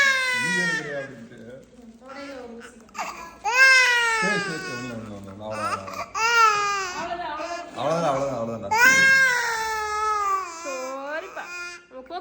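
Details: An infant crying after a vaccine injection: loud, long, high, strained wails of a pain cry, with an adult soothing quietly in Tamil in the background.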